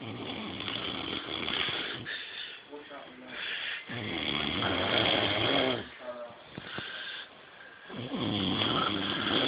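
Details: Man snoring: three loud, rough, rattling snores about four seconds apart, roughly 15 a minute, with quieter breathing between.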